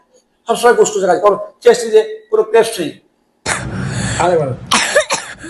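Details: Several short, dry, hacking coughs without rattle, imitated by a doctor illustrating a child's persistent night-time dry cough; a tickly upper-airway dry cough with a clear chest.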